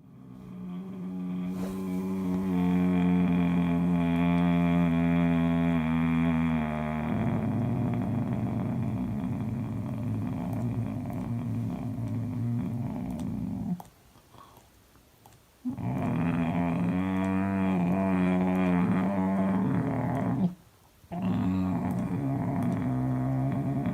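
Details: Adult man with catathrenia recorded asleep by his wife: long, droning groans on the out-breath separated by brief silent pauses, nocturnal sleep groaning.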